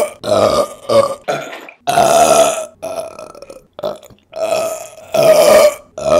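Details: Burping from a woman: a run of loud, long, deep, throaty belches, about eight in six seconds, repeated.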